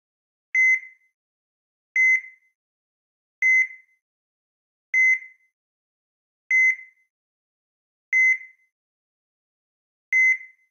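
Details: Simulated bedside heart monitor sound effect: about seven short high-pitched pulse beeps near 39 a minute, slowing.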